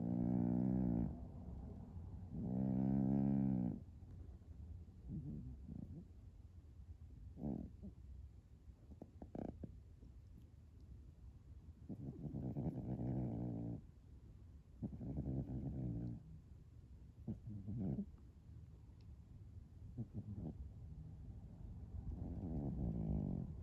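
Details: Small female cat, who later died of cancer, snoring loudly with deep, buzzing, moan-like snores separated by quieter breathing.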